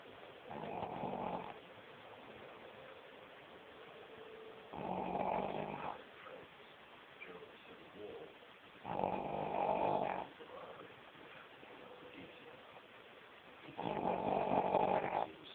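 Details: Molly snoring during sleep: four rough, rattling snores about 4 to 5 seconds apart, roughly 14 breaths a minute, with quiet between; snoring.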